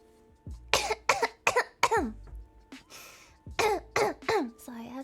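Two runs of repeated, partly voiced coughs, about eight or nine in all, from an adult with a cold.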